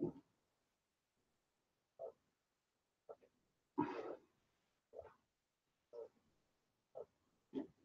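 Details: Snoring.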